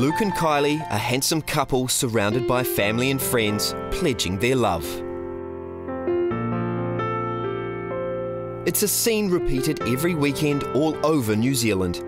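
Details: Adult male narrator; normal adult speech.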